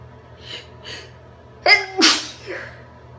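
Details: Induced sneezes in a female: two quiet breaths in, then a sharp explosive sneeze and a second burst, followed by a soft exhale.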